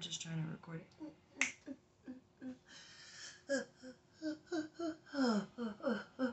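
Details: Adult woman during a tic attack with new vocal and motor tics: rapid, irregular bursts of brief yelps, grunts and clicking or snapping sounds in a small room; profanity and lewd gestures noted.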